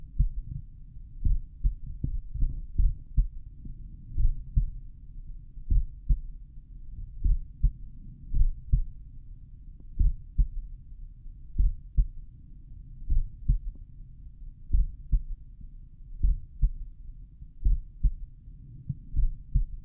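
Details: Slowed stethoscope recording of an adult's own heart at the mitral area, lying on their back: deep repeated thumps over a low rumble; no diagnosis given.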